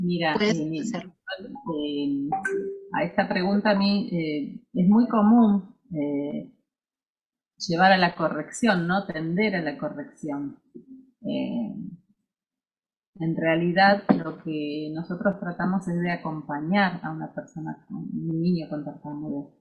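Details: Adult speaker; normal fluent speech.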